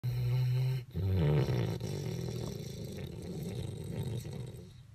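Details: Sleeping pet snoring hard at an office in the morning: a loud, low, rattling snore with a brief catch, then a long fading breath; heavy snoring.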